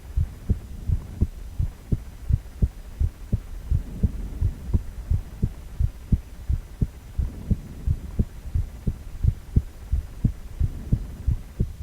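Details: Male heart on ultrasound, 4-chamber view: steady whooshing pulses about 86 a minute with a constant low hum; regular heartbeat.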